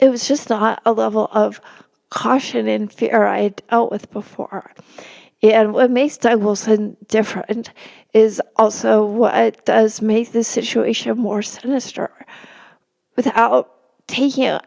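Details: Woman, a religion reporter, who has spasmodic dysphonia; spasmodic dysphonia.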